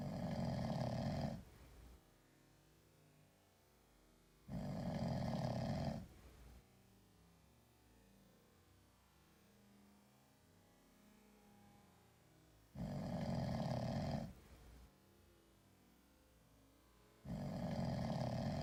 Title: Sleeping cat snoring like a human. 2